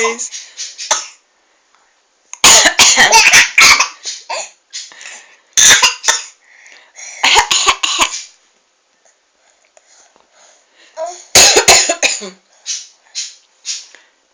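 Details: Several bouts of sharp, repeated coughs from a mother, with her baby laughing and babbling in between: cough.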